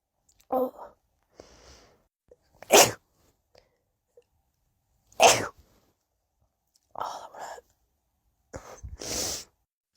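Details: A series of about five rapid, sharp sneezes, several preceded by an audible in-breath, from a short compilation of sneezes.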